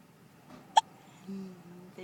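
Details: Young child with hiccups, trying to talk while being prompted to say words: a single sharp, abrupt gulping catch, then a brief child's voice. A hiccup.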